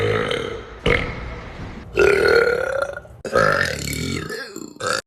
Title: TikTok Burp Compilation That Makes You Question Life! #shorts